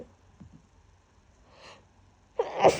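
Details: Adult with a very bad, congested cold gives a quiet, soft intake of breath, then one loud, forceful sneeze.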